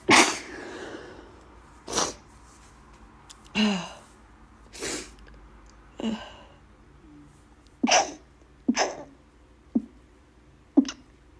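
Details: Person with bad allergies needing to blow their nose: about eight forceful sneezes in quick succession over roughly eleven seconds, with quiet pauses between them.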